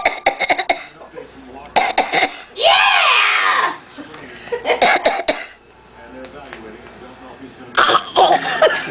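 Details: Six-month-old girl coughing in four quick clusters of short, sharp bursts, with high-pitched vocal sounds between; infant cough.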